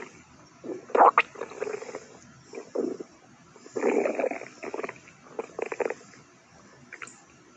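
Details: Clover's stomach growling during an upset stomach: loud, irregular gurgling and rumbling bursts of borborygmi.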